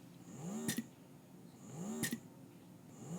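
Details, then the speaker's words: Motif Roam portable breast pump in stimulation/massage mode at a higher suction level, where cycle speed drops from 84 to about 42–44 per minute: a slow rhythmic motor hum with a rising whine and a click each cycle, about 45 cycles a minute. "Typically in in stimulation or massage mode as it's called on this pump, we like to see faster cycle speeds."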